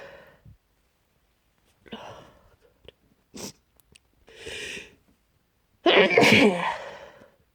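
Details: Someone trying hard to stay quiet: several short, muffled sneeze bursts ending in a louder, fuller sneeze; repeated stifled sneezes.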